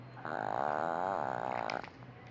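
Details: A single drawn-out, fluttering, rattly breath from a sleeping Pinscher dog, with faint room noise: snoring.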